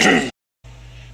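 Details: One short, harsh throat-clearing cough from an adult man during a speech, followed by a pause and quiet room noise.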